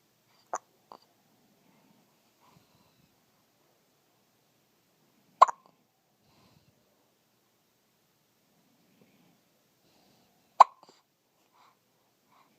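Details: Infant hiccups: three sharp, brief hiccup bursts about five seconds apart, roughly 12 a minute, in a quiet room.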